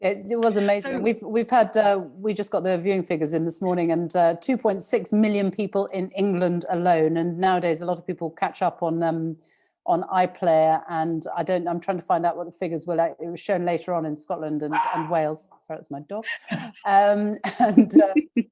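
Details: Adult woman speaking; no speech disorder.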